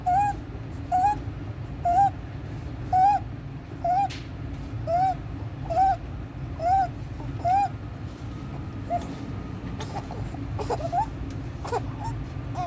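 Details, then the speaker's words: A 14-day-old full-term baby, admitted with resolved meconium aspiration, makes a high-pitched squeak with each breath at about 65 a minute, with severe suprasternal and intercostal retractions, worse with crying and feeding. Inspiratory stridor. "Just baby having inspiratory stridor, suprasternal retraction, intercostal retractions, increase with crying and feeding."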